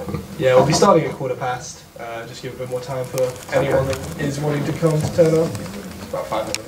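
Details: Adult speaker; normal speech.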